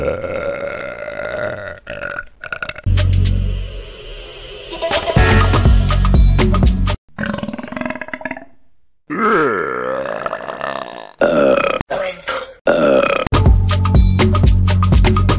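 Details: Compiled burp sound effects: a string of loud, long, rumbling belches over background music.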